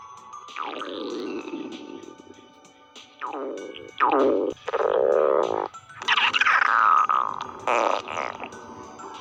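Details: Stomach growling (borborygmi): bursts of squeaky, gurgling tones that slide down in pitch, separated by short pauses.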